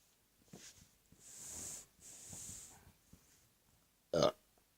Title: Burps After a Few Days Off YouTube!